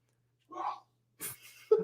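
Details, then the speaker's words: Single adult sneeze heard at a distance, a brief voiced build-up then a sharp hissing burst, from the speaker's mum during a live rugby reaction stream. "Anyone who heard that noise, that was my mum sneezing."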